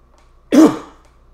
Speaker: excuse me i'm gonna clear my throat